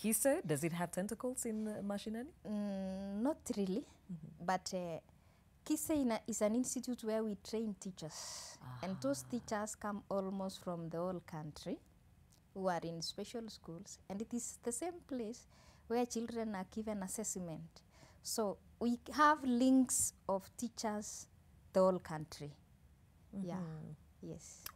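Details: Adult woman speaking; fluent speech.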